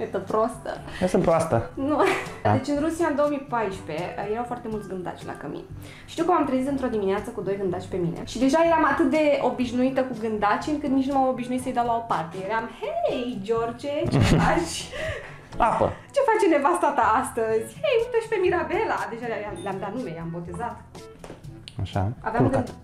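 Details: Adult woman speaking Romanian; ordinary speech.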